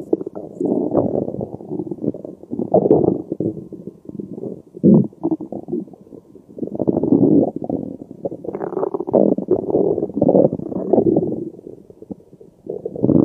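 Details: Loud, nearly continuous gurgling and rumbling stomach growling with brief pauses: active bowel sounds while digesting spaghetti carbonara after a meal.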